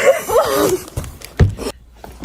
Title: 재채기모음 감기조심하세요~~!